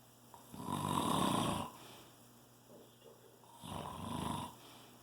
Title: Orbs don't like him snoring either.. Paranormal??